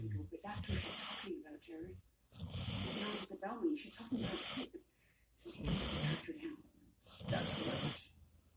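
Slow, rough snoring breaths, about five in eight seconds, each a harsh rattling inhale followed by a short exhale.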